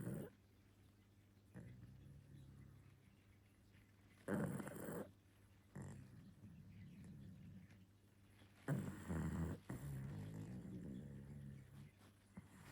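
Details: Pug sleeping and gently snoring, with soft irregular snores, short snorts and wheezy grumbles: noisy breathing of a flat-faced dog in sleep.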